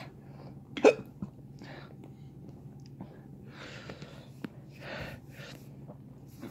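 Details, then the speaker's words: Adult with hiccups after eating a lemon drop pepper that burned the throat: a sharp, abrupt hiccup followed by softer breathy sounds over room hum; hiccups. "And I do have the hiccups, as you can hear. Yeah, that's what happens when the oil goes through your throat."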